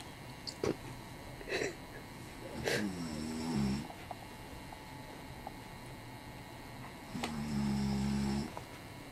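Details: A man napping snores loudly: two drawn-out, droning snores with a buzzing pitch, between soft clicks and room noise.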